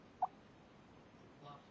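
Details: Pet named Jigga hiccuping while asleep: a single sharp, brief hiccup, then a fainter second sound, over quiet room noise.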